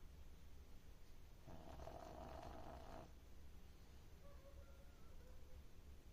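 One rough, rattling snore of about a second and a half over steady low room hum, then quieter breathing.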